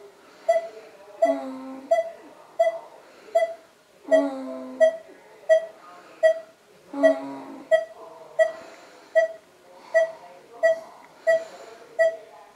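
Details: Steady, high electronic beeps repeating just under once a second from a breathing pacemaker (diaphragm pacer), with a few soft background sounds.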